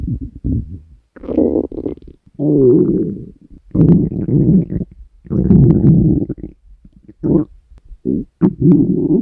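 Repeated low gurgling, growling rumbles from an empty stomach; ordinary hunger bowel sounds.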